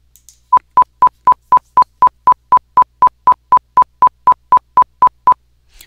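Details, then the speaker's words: 1000 Hz tone-burst auditory brainstem response (ABR) stimulus, higher pitched than 500 Hz: rapid steady train of short tone bursts, about four a second, used in hearing testing. "sound Herz AB is higher in Pitch than 500 HZ of course or even higher 2,000"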